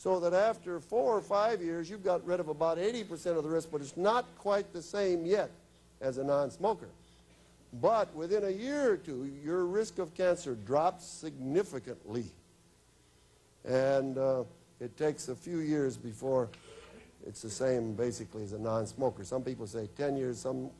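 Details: Adult man; normal speech.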